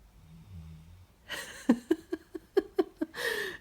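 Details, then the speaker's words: Adopted female golden retriever sound asleep on the floor: a faint hum, then a noisy breath, a quick run of about seven rattling bursts and another rough breath: snoring. "you can see her this time she's down there on the floor snoring away can you hear the snoring"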